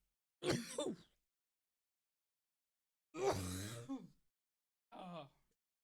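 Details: Adult coughing fit lasting minutes after inhaling a long hit (blinker) of THCA liquid-diamond vape cart: three rough, strained cough-like bursts with groaning, snorting and silence between.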